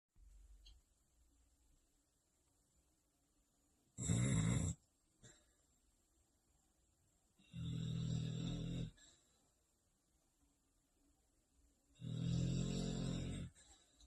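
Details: Sleeping dog (a now-deceased pet) snoring loudly and roughly, with three long snore bursts about every four seconds.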